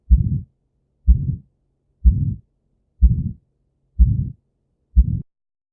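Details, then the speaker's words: Simulated heart sounds of aortic stenosis at about 62 beats per minute: an ejection click from the rigid aortic cusps, then a harsh, rough, diamond-shaped crescendo-decrescendo ejection systolic murmur in each beat. "there is an ejection click that is due to the opening of the rigid cusps of the aortic valve and then it's followed by a diamond-shaped crescendo decrescendo murmur"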